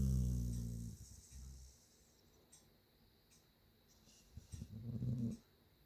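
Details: Chip the dog snoring while asleep: low rumbling snores, two breaths with a quiet gap between them.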